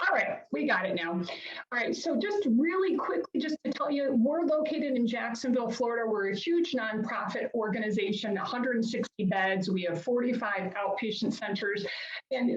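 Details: Adult woman speaking; normal speech.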